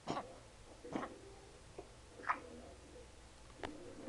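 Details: 3-month-old small rescue puppy, possibly a collie mix, with kennel cough under treatment, lethargic, runny nose, frequent coughing: brief high squeaky breathing noises like a guinea pig, several in a few seconds.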